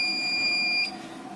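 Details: Start tone of a ThermiSmooth radiofrequency treatment device set to pulsed RF at 45, with ultrasound gel applied: a steady high-pitched electronic beep that stops abruptly, over a steady room hum.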